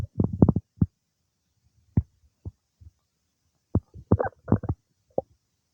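Irregular gurgling and bubbling bursts separated by quiet gaps; ordinary bowel sounds of digestion.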